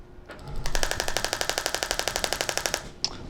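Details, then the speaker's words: Radial shockwave applicator test-firing on a patient's knee: rapid, even clicking at about four pulses a second for two seconds. The applicator is angled toward the knee centre to regenerate cartilage, and the level is being calibrated for tolerability before an approximately five-minute treatment. "I'm angling the applicator, so that it goes towards the center of the knee, where we're trying to regenerate some cartilage."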